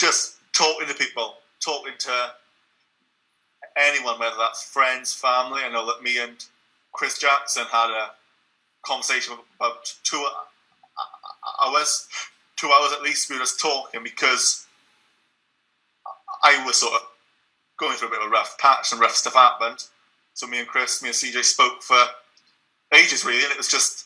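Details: Young man, about 19, who has stuttered all his life and took the Starfish project course using costal breathing; he still stutters and blocks and used no technique in some parts of this interview. Stuttering.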